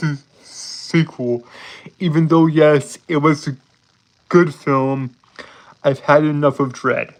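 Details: Adult man with a speech impediment present since birth, who says he holds syllables rather than repeating sounds; stuttering (prolongations and blocks).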